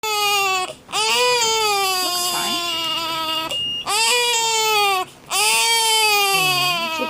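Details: Baby girl held by her father, crying in sustained, strongly voiced long wails with brief breaths and an adult's soft voice in the background, soothed quickly, followed by a sneeze.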